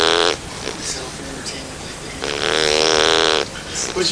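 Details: Male Bernese Mountain Dog puppy just over 9 weeks old, asleep: two loud, drawn-out nasal snores with quieter snuffling between them; snoring.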